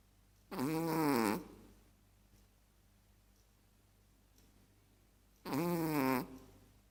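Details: Chihuahua snoring while asleep: two drawn-out, buzzy, vibrating snores about five seconds apart with quiet breathing between.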